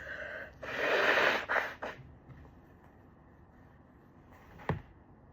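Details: Stifled, held-back sneeze ("chhinkni") with a quick follow-up puff, then quiet and a small muffled catch; stifled sneezing.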